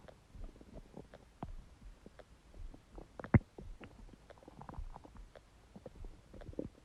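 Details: Stomach growling (borborygmi) from an empty stomach: irregular low gurgles, squeaks and bubbling pops from the belly.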